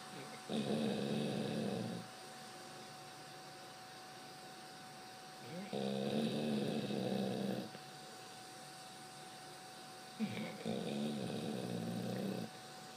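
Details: Sleeping dog snoring on a bed: slow, rhythmic rattling snores on each breath in, about 13 breaths a minute, with a faint steady hum behind; normal snoring.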